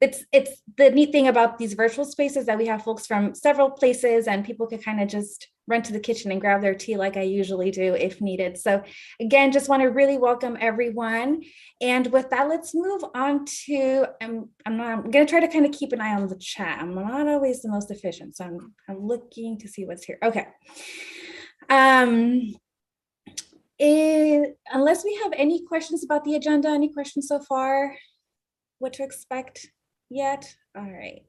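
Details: Adult woman speaking; plain speech.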